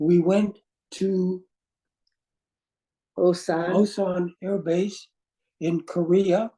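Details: Aphasia caused by a stroke in an adult man; words do not flow, with difficulty in instant word choice and finding how to say what he wants (word-finding difficulty).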